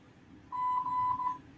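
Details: IV pump alarm beeping at the bedside of a hospitalized patient receiving IV medication, reportedly morphine: a steady electronic tone of about one second over quiet room noise.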